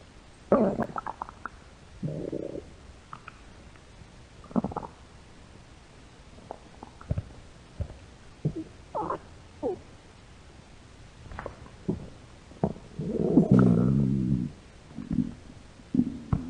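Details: Hungry young women's stomach growling: irregular gurgles and squeaks with a longer low rumble; ordinary bowel sounds from an empty stomach.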